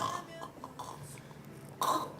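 A short, low belch near the end, after some faint throaty noises in a quiet room.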